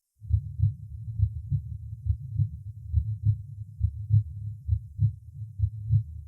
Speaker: во второй точке аускультации во втором межреберье справа от грудины наоборот второй тон оказывается громче первых в этой точке оценивается состояние аортального клапана и восходящей части аорты